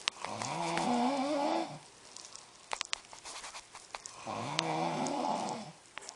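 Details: Two long, rattling inspiratory snores with a quiet pause between from an adult man (husband) asleep while TV plays, faint room noise; ordinary loud snoring.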